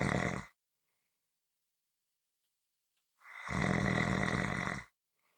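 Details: Ordinary snoring recording: harsh, rasping snores on inhalation with quiet pauses between them.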